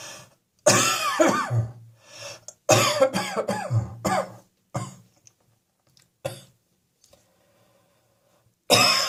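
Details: Coughing indoors on a freezing-fog winter day, with chest and throat described as boiling hot: cough.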